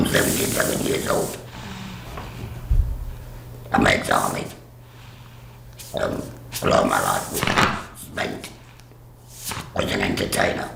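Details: Woman with a total laryngectomy speaking through a voice device/valve; alaryngeal speech after total laryngectomy.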